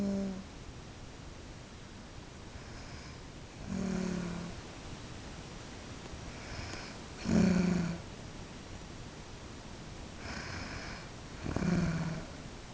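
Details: Adult woman asleep in the dark, low rattling snores on the in-breath, about four in twelve seconds, each with a purring flutter; snoring.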